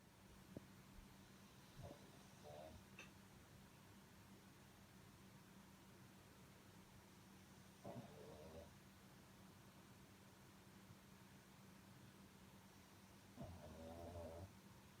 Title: パグのいびき pug snoring